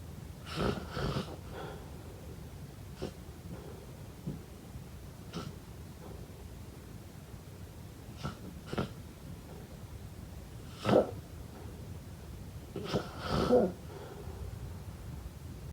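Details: Irregular snorting breath noises from a sleeper in a quiet room: snoring.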